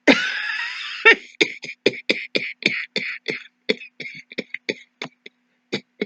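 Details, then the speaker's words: An adult actor simulates a continuous hacking cough, a long run of short, dry bursts one after another, demonstrated as a possible COVID cough; continuous hacking cough. "so we want to just recap again you've got a tickle again got a car and then we've got the continuous cough the hacking cough the ongoing the going on and"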